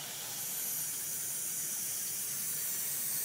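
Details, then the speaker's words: Heliox blender's second flow meter driving a nebulizer with saline for practice: steady high-pitched hiss of gas flow as the nebulizer runs, producing a treatment mist. "now see your your nebulizing your nebulizer is working we're just using some saline for this all-purpose practice"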